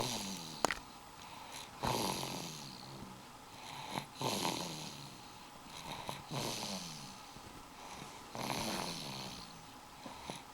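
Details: A child, asleep in a car seat, snores in a steady rhythm, about 28 breaths a minute, each breath with a low rattling flutter. Snoring.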